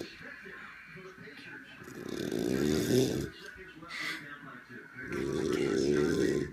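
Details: Grandfather snoring: two loud, rattling snores on breathing in, separated by quieter breathing, in a small quiet room.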